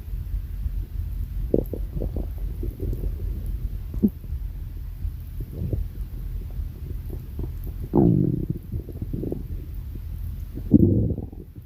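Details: Deep rumbling and gurgling stomach growls, irregular with a few louder surges; ordinary bowel sounds (borborygmi).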